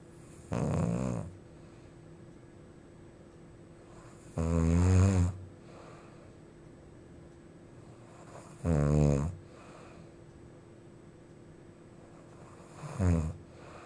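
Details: A friend staying overnight snoring loudly while asleep: loud, low, rattling snores on each breath, about 15 a minute, separated by quiet pauses; heavy snoring.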